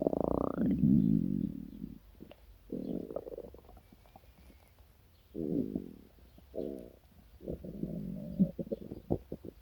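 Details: Stomach growling after a chocolate milk or sweet breakfast: low gurgling, bubbling rumbles in several bursts with quiet gaps, borborygmi.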